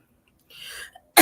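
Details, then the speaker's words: Adult recently in hospital who says they cannot keep fluid off the heart, now coughing and sneezing: soft breathy expulsion, then the abrupt loud onset of a cough that is cut off. "i can't keep fluid off my heart and so now it's coughing and sneezing you hear it it's really bad"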